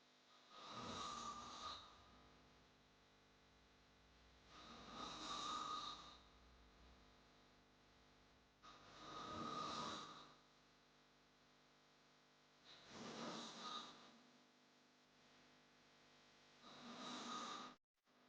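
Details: Snoring sound effect: loud, rattling hard snores on each breath in, about 16 a minute, regular and evenly spaced.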